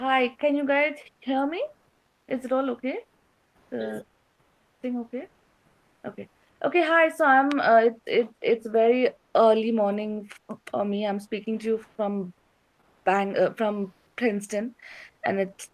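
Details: Stuttering with repetitions in an adult female stand-up comedian with a slight speech impediment.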